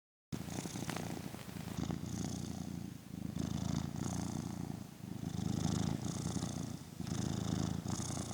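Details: Relaxed cat purring in a quiet room: a steady, low rumbling purr rising and falling in smooth cycles with each breath, no background noise; normal purring.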